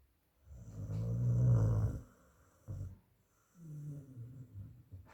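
Loud, deep rumbling snores on slow breaths, with a brief snort between; heavy snoring in a sleeping dog.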